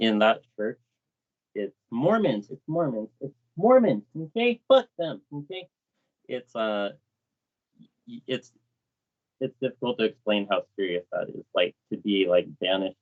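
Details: Adult male BMX rider with lifelong Tourette syndrome whose tics worsened in his 30s; vocal tics of Tourette syndrome.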